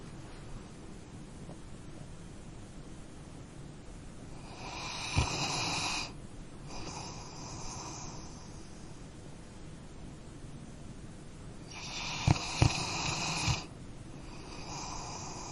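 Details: Sleeping dog: two slow, noisy snoring breaths over about fifteen seconds with soft snorts, over steady background hiss; dog snoring.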